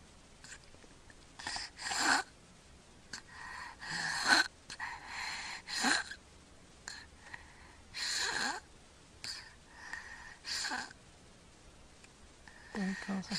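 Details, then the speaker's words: Irregular rough, noisy mouth breaths, about 27 a minute, with uneven gaps, from a sleeping boy recorded on February 6, 2009, who is not congested; he breathes through his mouth, not his nose. Snoring with sleep apnea. "you can hear him snoring he's breathing through his mouth not through his nose and he's not congested now"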